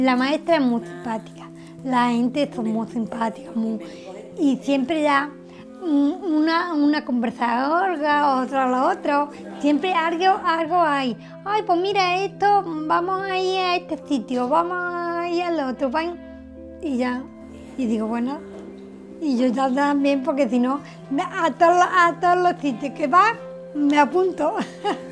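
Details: Woman with aphasia caused by a brain injury, speaking in conversation; aphasia.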